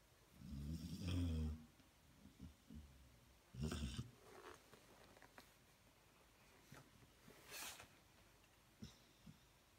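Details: Loud snoring: two low, rumbling snorts a few seconds apart, then quieter snuffly breathing in a small room.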